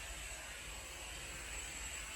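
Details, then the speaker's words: Steady hissing rush of wall suction running, checked by thumb occlusion at about 145 (under 150 limit for adults) before open suctioning by a respiratory therapist. "Now I am going to use my non-sterile hand to check my suction. I'm using my thumb over this to check. It needs to be under 150 for adults, which is at about 145, which is good."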